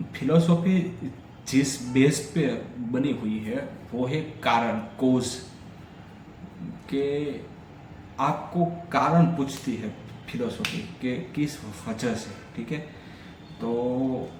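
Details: Stammering in an adult man on day 3 of a daily fluency practice routine, during continuous speaking practice for fluency.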